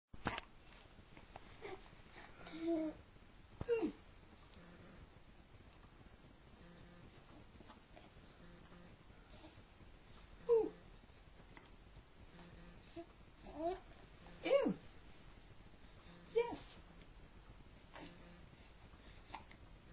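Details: Hiccups recorded on a Flip Video camcorder: brief abrupt gulping catches every few seconds, about eight in twenty seconds, over low room noise.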